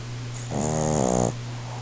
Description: Russ my Boston Terrier snores soooo loud!